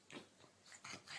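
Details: Pug, a small flat-faced dog: short, harsh, snuffling snorts with each breath in quick bursts; noisy, obstructed-sounding snorting breathing.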